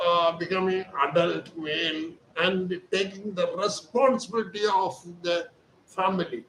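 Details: Adult male with puberphonia, high thin voice since birth; surgery was advised locally, but he chose voice therapy exercises and reports improvement after 4 days of treatment; speaking Hindi.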